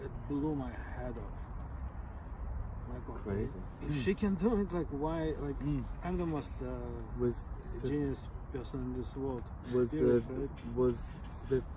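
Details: Adult who stutters and who learned stuttering-modification techniques such as cancellation from a speech therapist; stuttering.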